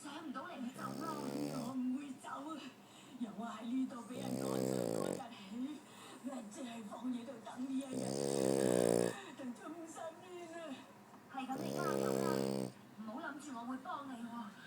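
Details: Loud buzzing snores recurring every few seconds over steady, rough breathing; snoring.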